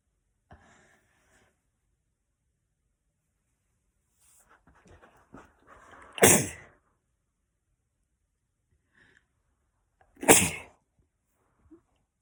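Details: Girl, two sharp explosive sneezes about four seconds apart, the first after a quick breath in; repeated sneezing.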